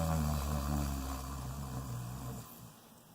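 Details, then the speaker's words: Imitated snoring-like inhale made deliberately by narrowing the back of the nasal passages and soft palate area, tongue lifted to the roof of the mouth, as in a breathing exercise; low rumbling snore-like inhalation fading out. "I'm gonna recommend you shoot for making a snoring baby sound or snoring sound so it might sound like this"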